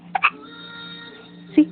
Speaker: say hi I got the hiccups TIY say hi I got the hiccups